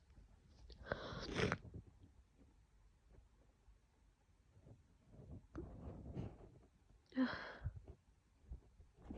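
Two muffled, stifled sneezes several seconds apart, with quiet breathing between them.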